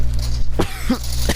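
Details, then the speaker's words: Three short, dry, hacking coughs over a steady low hum from a sick kid, also reporting heartburn and nausea, possibly allergies; a dry, unproductive cough. "man like it it sucks cuz it's like a dry cough too"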